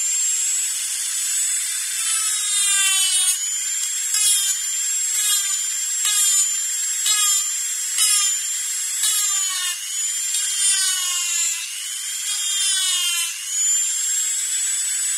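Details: Dentist's drill sound-effect track: high-pitched whining drill with rising and falling pitch in repeated bursts over a steady background whine.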